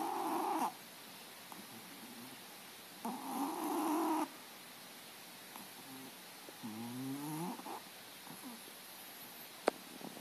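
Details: Cat napping on a couch, snoring as usual: two raspy snoring breaths, then quieter breathing and a brief soft vocal sound.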